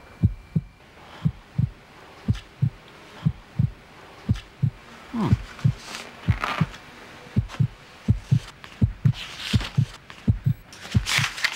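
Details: A teenage boy listens to his own heartbeat through a stethoscope in a staged 2005 Japanese TV advertisement: regular low thumps at roughly 100 beats a minute, with light handling noise. A heartbeat.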